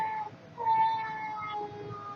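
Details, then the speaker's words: 8-week-old infant boy crying briefly: a thin, high-pitched wail over quiet background music, heard during a postpartum update. "I might have to stop this video and restart it I hear him crying"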